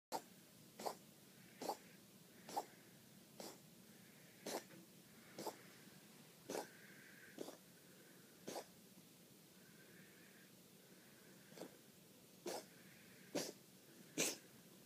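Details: Cat coughing in a possible asthma attack, recorded for the vet: a run of about fourteen short, sharp coughs, fitting a feline asthma coughing episode.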